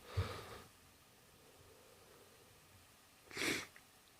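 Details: Two short bursts of air a few seconds apart, the second a sharp blast; sneezes.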